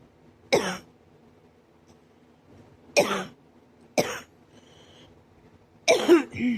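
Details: Four sharp, harsh single coughs in a quiet room, the last followed by a short strained vocal sound; the cough is hurting the ribs and chest.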